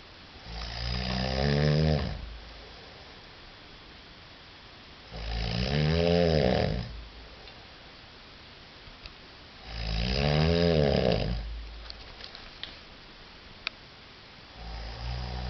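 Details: Loud, deep, rattling snores from a sleeping man, recurring about every four seconds (roughly 13 a minute) with quiet pauses between; relentless, hammering habitual snoring.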